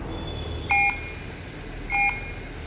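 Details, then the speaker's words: Medtronic Puritan Bennett PB560 ventilator completing its calibration routine: two short electronic beeps over low room noise. Calibration passed, showing the circuit is in order with no leakage and ready for patient use. "wow very good it has finished calibrating now that it has finished calibrating this shows that the circuit is in order the ventilator is in order and there's no leakage and it can be used on patients"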